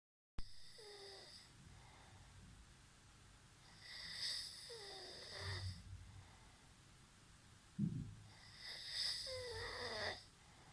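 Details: Loud rattling snores with whistling, wheezy tones on the breaths over steady room hiss; noisy snoring during sleep.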